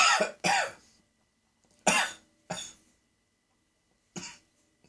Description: What started as a little tickle in the back of my throat turned into a major coughing fit. I suspect that cat hairs were to blame.